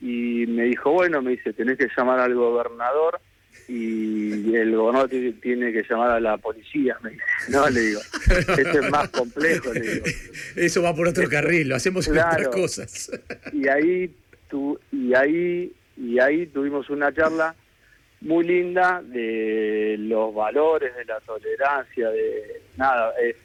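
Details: Adult man with stuttering since childhood, which he says has a genetic load and may have been triggered by trauma, still getting stuck at times, speaking Spanish in a real radio interview with word repetitions; stuttering.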